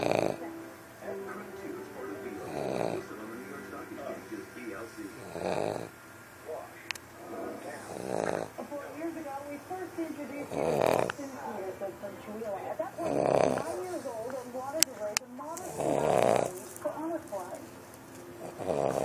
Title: Funny Snoring Dog